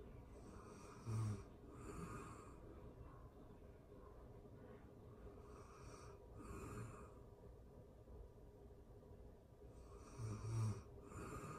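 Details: Real-time recording of a person asleep: soft, quiet snoring breaths with snorty edges, about five breaths in twelve seconds; gentle sleep snoring.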